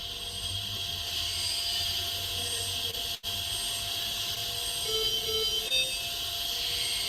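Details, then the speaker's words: Noise recorded inside a newborn incubator in a NICU: a loud, constant airy hiss from air being pumped in and from the warming element, a low hum, and steady tonal heart monitor alarm beeps. "what you're hearing is the noise inside of an inator so that noise a constant heart monitor alarm under babies crying people talking"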